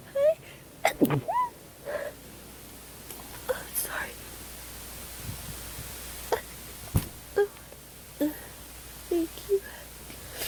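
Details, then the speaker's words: Acted, not real: a girl performs a rapid series of short, breathy sneeze-like bursts with small gasps between them in a quiet room, saying dust tickles her nose and she can't stop sneezing. "I'm gonna sneeze some more. I'm gonna sneeze some more. I'm sorry. I'm getting your chest all wet."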